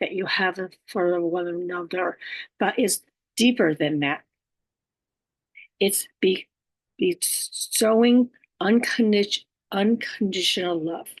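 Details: Adult female stroke survivor living with aphasia, apraxia of speech and dysarthria. Aphasia.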